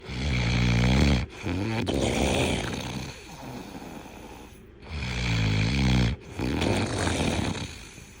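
Loud, deep, rattling vibration on each in-breath, with quieter out-breaths between. This is heavy snoring, about two breaths in eight seconds.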